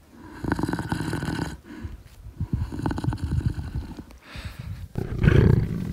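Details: Lion snoring during an afternoon nap: deep, rough, rumbling breaths from a large cat, loud and irregular, fitting heavy snoring.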